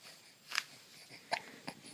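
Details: Three brief, abrupt catches of breath about one second apart against faint hiss; hiccups.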